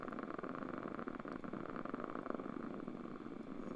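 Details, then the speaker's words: Quantitative needle EMG on a Sierra (Cadwell) machine, patient making a slight contraction, recorded in short segments: dense crackling static of overlapping motor unit discharges; interference pattern slightly neurogenic. "and then we go over to the interference pattern and i'm going to do that in short segments um and so start and stop after a hit second so here is is a slight contraction we"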